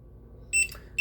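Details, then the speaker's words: Mechanical ventilator being switched on during a teaching demonstration, going through its power-on phase before the alarms are silenced: two sharp high-pitched electronic beeps over quiet room hum; ventilator power-on alarm. "it's going to go through its power on phase i'm going to silence the alarms here"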